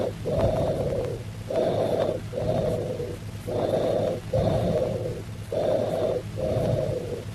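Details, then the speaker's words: Cavernous breath sounds, teaching example: low-pitched, hollow bronchial breathing at about 30 breaths a minute, heard over a lung cavity with irregular walls or in open pneumothorax. "Cavernous breath sounds are low-pitched bronchial breath sounds heard if there is an underlying lung cavity with irregular walls or in open pneumothorax."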